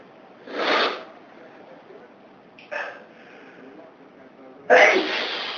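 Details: Man sneezing from dust allergy after his girlfriend's morning housework stirred up dust: three separate sneezes in a quiet room, one short and stifled, a sneezing fit.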